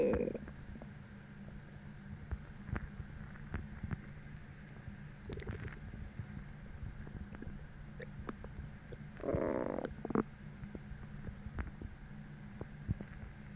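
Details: Stomach growling from hunger after a deep, achy, empty feeling, following bloating from a heavy dinner the night before; faint gurgles and a few louder low growls over steady background hum.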